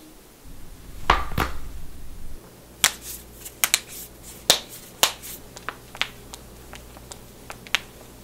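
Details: Compilation of joint cracking in toes, knuckles, necks, backs and ankles: a series of sharp pops and clicks in a quiet room, no talking.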